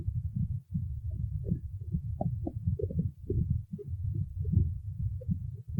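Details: Stomach growling: low, rumbling gurgles rolling on and off throughout, typical of ordinary borborygmi.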